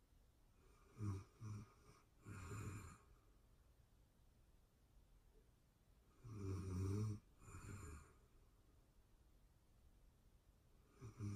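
Rattling snores come in clusters of two or three about every five seconds, with quiet pauses between; ordinary sleep snoring.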